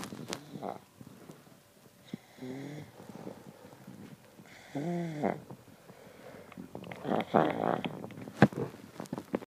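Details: Short, buzzy, vibrating breaths recurring between quieter snuffles and clicks; irregular snoring during sleep.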